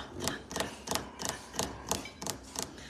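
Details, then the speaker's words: Fetal heartbeat: rapid, regular, galloping rhythm at about 180 beats per minute, described as sounding like a galloping horse. "it sounds like a galloping horse like a galloping horse"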